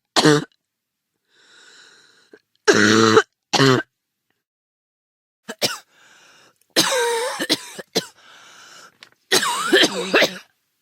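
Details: Sound-effect recording of acted adult human coughs: several short, harsh coughs and throat-clearing bursts separated by quiet breaths.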